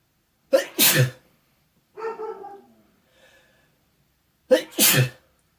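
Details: Cat allergy sneezing from an adult near their cat, with watery eyes: two sharp explosive sneezes, each preceded by a sharp in-breath, with a short sound between.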